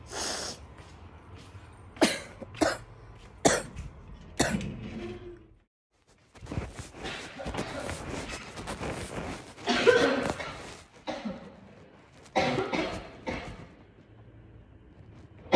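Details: Girl with bronchitis coughs repeatedly in harsh bursts and a longer fit; bronchitis cough.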